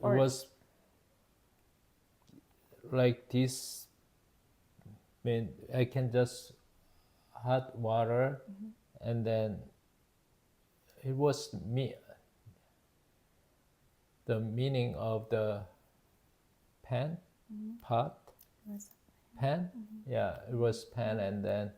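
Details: Adult male, 52 at onset, with Broca's (non-fluent, expressive) aphasia with word-finding difficulty, following initial global aphasia, after a September 2023 left-hemisphere ischemic stroke from spontaneous left carotid artery dissection; Korean first language, English returning more slowly; Broca's aphasia.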